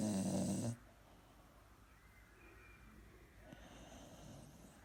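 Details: Elderly Springer Spaniel dog napping on a Sunday afternoon gives one loud rattling snore, then quiet breathing with faint room noise: snoring in a sleeping dog.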